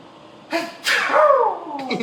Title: Birthday Countdown #9: My Dad’s Sneezing Fit Won't Stop (4 Sneezes in 2 Minutes!)